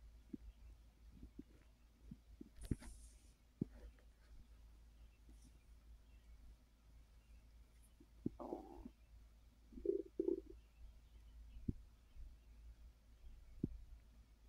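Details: Adult resting on a full stomach after overeating following a gummy: quiet gurgles and a few short rumbling bursts from the belly, bowel sounds (borborygmi) of digestion.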